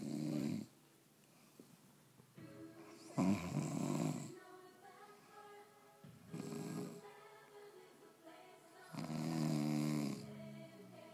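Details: Sleeping man snoring with loud, low, rattling snores about every three seconds, with television music and talk in the background.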